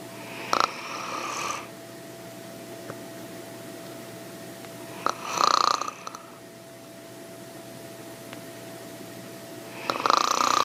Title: snoring😂😂 #funnyvideo #funny #fypシ #fypシ゚viral #millionviews